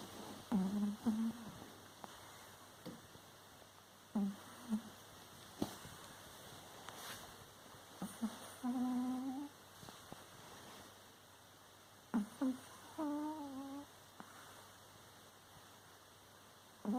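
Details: Puppy asleep and snoring: short, high-pitched, whistling, hum-like snores in irregular groups with snuffly breaths between, typical of a flat-faced pup.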